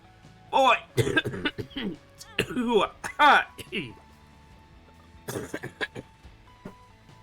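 Two clusters of harsh, voiced, chesty coughing bursts with throat clearing, over faint background music; a productive cough.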